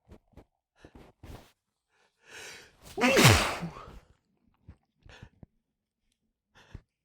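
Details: Male catching a small fit of sneezes into tissues: several hitching catching in-breaths build to a forceful, explosive sneeze, with softer breaths and small sounds around it; sneezing.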